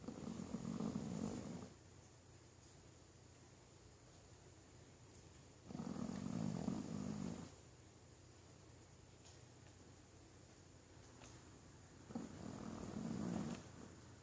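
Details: Pekingese dog falling asleep immediately after a long stretch, snoring mechanically: three low, rumbling snores about six seconds apart, roughly ten breaths a minute, with quiet pauses between.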